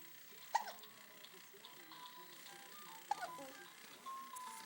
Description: Hiccups in the bouncy seat.